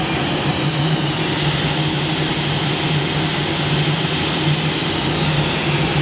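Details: Spider vein laser treatment with a Fotona Nd:YAG laser; steady loud whooshing roar with a low hum from the laser and cooling unit running.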